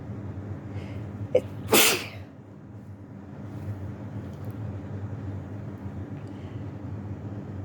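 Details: One short sharp burst, then one loud explosive sneeze over a steady low rumble, from a person sick with flu and isolating at home.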